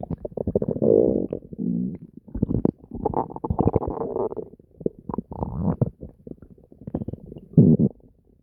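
Loud, nearly continuous gurgling and deep growling from the abdomen with bubbly bursts; active bowel sounds, ordinary stomach rumbling.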